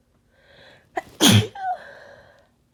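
A rising in-breath, then one forceful, harsh sneeze and a trailing exhale, a sneeze during a common cold.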